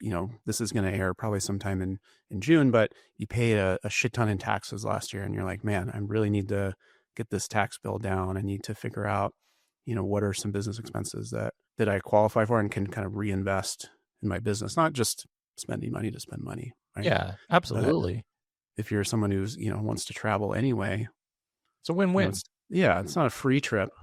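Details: Adult male speakers in conversation; normal voice.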